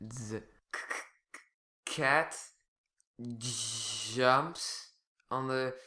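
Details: Stuttering in a male speaker, with sound repetitions, prolongations and complete blocks.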